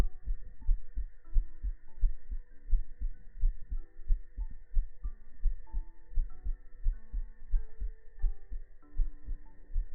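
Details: Heart-sound segment of a sleep ASMR stream: steady low thumping at about 90 beats a minute with a soft tune and hum over it; normal heartbeat.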